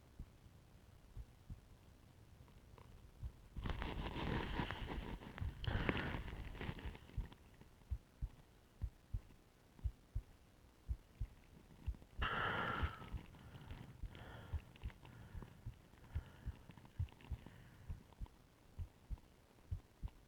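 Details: Own heartbeat heard through a stethoscope (with ECG) during complete breath-holding aided by a plastic bag and pillow: regular beats about 90 a minute, interrupted by rustling and handling noise; tachycardia then slowing below 50 beats per minute reported.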